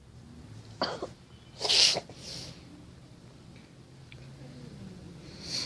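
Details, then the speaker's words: Sneeze: a short intake of breath, then a sharp, hissing sneeze with faint room noise around it. "Por eso yo nunca perdono a nadie por ese maldito estornudo. Está así. Pero que ya se me pasó el estornudo."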